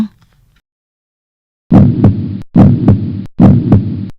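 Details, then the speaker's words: Loud, regular thumping heartbeats after a short silence, about 70 a minute, a steady rhythm contrasted with atrial fibrillation, the fast irregular heartbeat discussed. "หัวใจคนเราจะมีจังหวะในการเต้นอย่างสม่ำเสมอนะครับแต่ถ้าวันหนึ่งมันเต้นผิดจังหวะเต้นเร็วไม่สม่ำเสมอนั่นหมายถึงความผิดปกติของหัวใจ"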